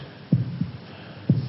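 Low thumping lub-dub heartbeats, about 60 a minute, replayed in a drama.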